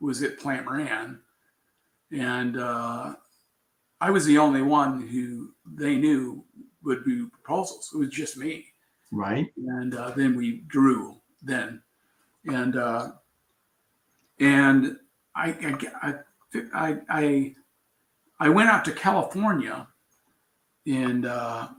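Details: Aphasia in an adult man after a traumatic brain injury from a bicycle accident about four years earlier, with coma; word-finding trouble noticed on waking, still recovering.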